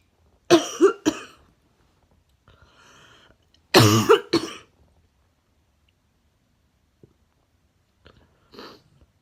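Two bouts of harsh double coughs a few seconds apart, with a breath and a small throat sound between, in a quiet room.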